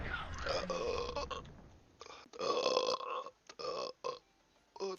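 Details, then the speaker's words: Man on a live stream burping: several loud, voiced belches in a row separated by short pauses, with faint room noise; repeated burping, from a burp compilation. "Are the burps just rolling, bro?"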